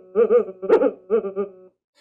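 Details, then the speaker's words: Sonified EEG of a patient during a silent (nonconvulsive) seizure: an algorithm shifts brainwaves up into audible frequencies, producing short bursts of hollow pitched tones in an uneven rhythm, proposed as a monitor alarm signal. "you're going to hear it if the patient is having a silent seizure the sonified braid wave sound like this"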